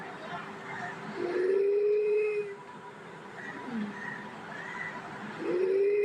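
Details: Inspiratory stridor from bilateral vocal cord palsy in a child, within a teaching case on paediatric airway obstruction; it is presented as stridor that was not asthma.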